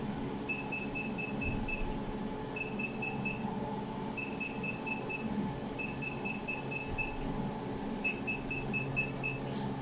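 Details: Bursts of rapid high beeps, about five to seven pulses each, over a steady fan hum, from a laser hair removal machine firing over the chin and lip area of a woman treated for facial hair growth.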